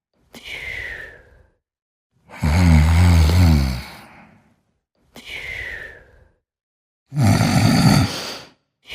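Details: Sleeping and snoring: slow breathing at about 14 breaths a minute, each in-breath a loud, deep, fluttering snore and each out-breath a softer whistling sigh; snoring.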